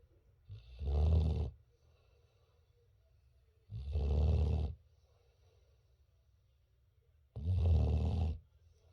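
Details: Boerboel (mastiff) puppy sound asleep, deep rumbling snores with quiet pauses between them, about three in nine seconds: snoring.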